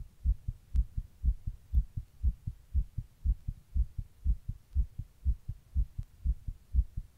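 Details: Heart recorded while sitting in 100-degree heat during a heatwave: steady, regular low thumps at about 120 beats a minute, a fast heartbeat.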